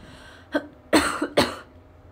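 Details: Three short, dry coughs in quick succession in a quiet room from a young female idol who has been unwell. She saw a doctor, got antibiotics and medicine, has a blocked nose, and says the cough has worsened and won't stop.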